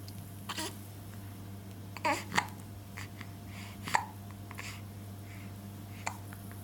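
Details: Damien with the hiccups; hiccup sounds.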